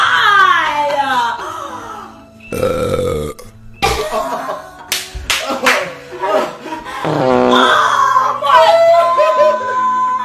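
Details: Couple's comedy clip of burping and farting: loud, long voiced belches between bursts of talk and laughter, with background music.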